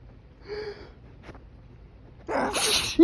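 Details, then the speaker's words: Morning allergy sneeze outdoors in breezy pollen-filled air while trying to hold it back with fingers pressed to the nose: brief breathy inhale, then a forceful explosive sneeze. "that's what I a get for trying to hold them back when I try to hold them back I I just get stronger"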